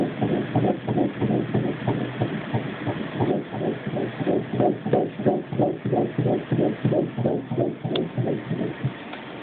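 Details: Early pregnancy ultrasound at 11 weeks of an IVF twin pregnancy, with the fetuses measuring about ten weeks and one smaller. Rapid, regular whooshing pulses at about 180 a minute: a normal fetal heartbeat.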